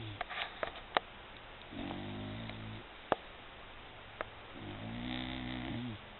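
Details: Sleeping dog snoring: two drawn-out, buzzing snores a few seconds apart, with occasional clicks and knocks in the room.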